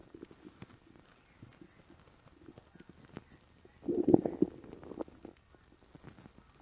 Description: Home after work, empty stomach after a light lunch. My stomach let out some big growls. Enjoy